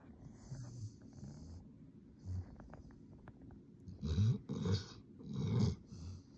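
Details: Sleeping Labrador dog snoring loudly: low, rumbling, uneven snores and snorts with some louder bursts over quiet room noise.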